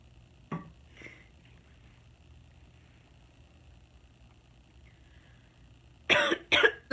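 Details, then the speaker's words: Acted comedy skit set in a classroom: near-quiet room noise, then two loud, harsh cough bursts close together; the student claims a drink went down the wrong way; simulated cough. "Drinks don't make coughs like that. That cough was different."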